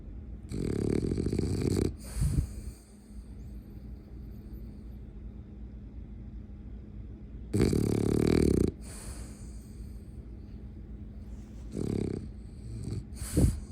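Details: French bulldog snoring while napping with one eye open: long, loud, buzzing snores with snorting and gaps of quiet breathing, said to snore like a grown man.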